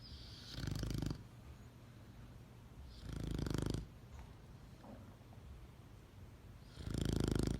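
Deep, rumbling snores on each breath, about 20 a minute, with quiet gaps between; snoring from a sleeping animal.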